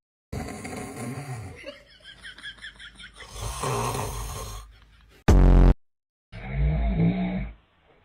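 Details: Adult father's heavy snoring: loud, low, rattling snores in several long bursts, broken by a brief loud tone, with light background sounds.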